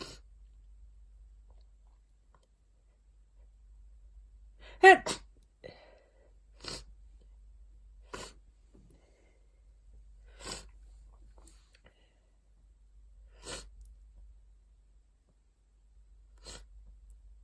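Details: Dust allergy sneezing while clearing out an attic: one loud sneeze followed by several softer sneezes spaced a few seconds apart, in a quiet room.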